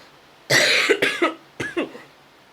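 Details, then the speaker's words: Cough from an unwell person whose illness worsened that day, with a sore throat and a voice getting lower and deeper. "coughing and my voice is starting to get even lower and deeper and my throat is starting to get hurt"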